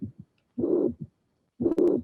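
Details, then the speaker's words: Recorded heart sounds from a cardiac auscultation teaching quiz: low heart sounds with a blowing murmur filling the gap between beats, confirmed as mitral regurgitation. "you are correct is my regurgitation"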